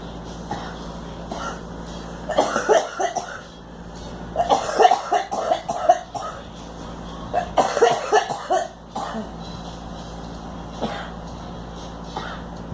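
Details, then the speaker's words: A girl coughing while someone nearby encourages her to get it out. "She's helping the cough. She's saying, get it out, get it out."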